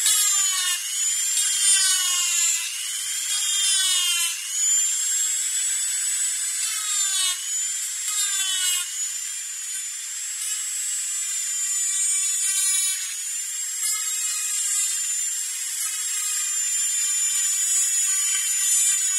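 Steady high-pitched whine with rising and falling pitch sweeps as the speed changes: a dental drill running.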